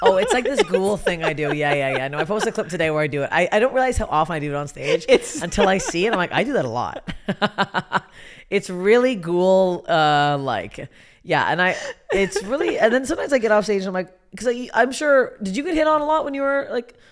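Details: Adult speaker in conversation; typical speech.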